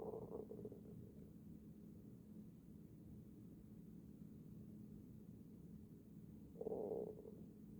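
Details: Low gurgling rumble with a louder growl near the end; stomach growling (borborygmi).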